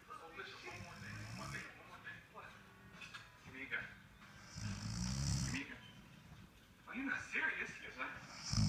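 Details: Man caught snoring very loudly: loud, rough snoring with noisy breath sounds, two or three snores over several seconds, against faint room noise.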